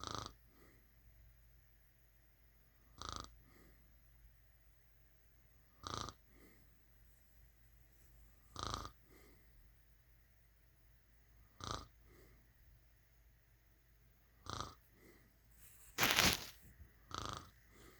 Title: snoring | snoring loud # #snoring #shorts #snoringloud #loudsnoring